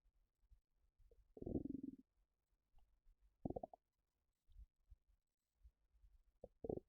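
Low gurgling rumbles and brief squelches from the abdomen, typical stomach rumbling from gas and fluid moving.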